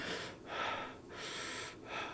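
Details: Soft, rushing breath sounds through a stethoscope on the chest, cycling smoothly with no added wheeze or crackle, used as a teaching example: normal vesicular breath sounds.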